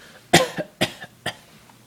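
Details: Child's cough, prompted on request at dinner: three short coughs in quick succession in a quiet indoor room.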